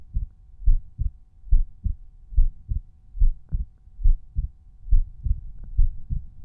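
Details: Resting heartbeat at one auscultation point, volume normalized: steady lub-dub at about 70 beats a minute with clear first and second sounds and no extra noises; normal heart sounds.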